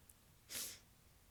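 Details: Morning sneezing fit, described as soft and tickly: a single soft, hissy sneeze with no loud vocal burst, in a quiet room; sneezer says recent sneezes are either very strong or very soft.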